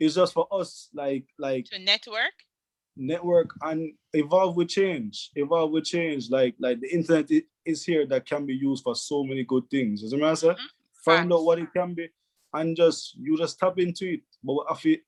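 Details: Adult speaker; ordinary speech.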